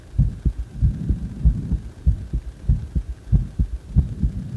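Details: A person's own heartbeat, recorded around the time of CPR, with steady paired thumps at about 95 beats a minute and a low hum behind them: heartbeat.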